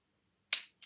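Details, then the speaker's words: Single sharp snap of a spring-loaded lancing device pricking a lecturer's own finger to obtain blood for a test strip in a live electronic glucose meter (glucose oxidase) demonstration; lancing device firing. "put some blood on it so i will just put it on my finger here pressing here"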